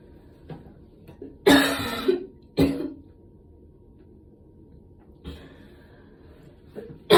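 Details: Two harsh coughs about a second apart, the first drawn out, then a softer throat clear; cough after a gym workout.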